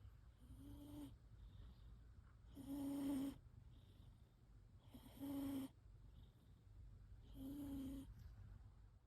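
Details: Sleeping cat snoring in steady buzzing bursts, roughly 25 breaths a minute, over a low room hum: snoring.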